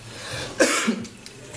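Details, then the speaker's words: Adult with a chest infection of 10 days and a raspy voice: a single short, harsh cough with a brief rough tail, over faint room noise. "Last day I left, I got chest infection. 10 days still can't get rid of it. That's why I sound a little bit uh raspy about this."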